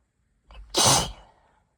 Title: Pre-cold tickly sneezes